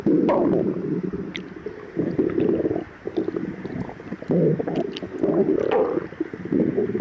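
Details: Stomach growling (borborygmi) in a person with severe lactose intolerance, after fasting 12 hours, recorded before and after drinking milk.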